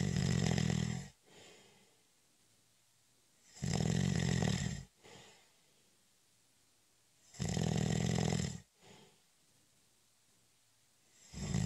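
Loud rough snores on each breath in, about three in this stretch, roughly every four seconds, with quiet out-breaths between.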